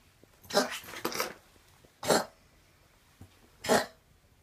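Four short, harsh coughs in a quiet room; a plain dry-sounding cough.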